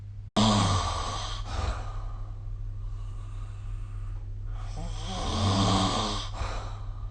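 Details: Snoring during sleep recorded with the SnoreLab app: two long, rough, low buzzing breaths with a rattling vibration, separated by a quieter pause.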